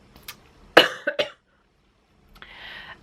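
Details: A short burst of about three dry coughs, then after a pause a breathy exhale or throat noise, heard during a knitting talk show; cough.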